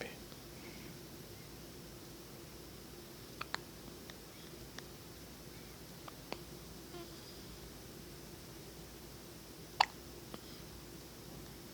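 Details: Faint, sharp, irregular clicks in a quiet room, about seven in twelve seconds; hiccups.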